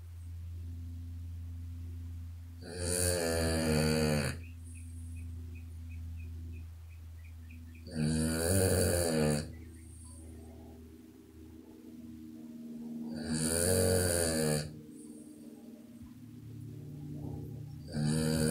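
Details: Female puppy snoring loudly enough to wake herself up: loud, rattling snores about every five seconds, roughly 12 a minute, over a steady low hum of room noise.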